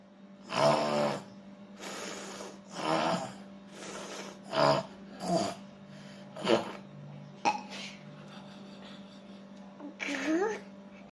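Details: Father snoring while asleep: repeated rattling, snorting breaths, several every few seconds, ending in a louder gurgling snort.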